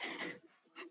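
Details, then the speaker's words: A brief, harsh nasal snort from a small dog, a quick burst of air: snort. "like it releases all that stress from your work week or whatever the hell is going on so oh my god i just heard that snort"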